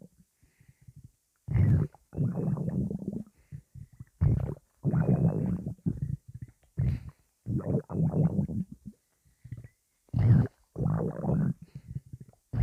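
Loud, low gurgling and rumbling bursts from the belly, several separate rolls with pauses between; ordinary stomach rumbling (borborygmi).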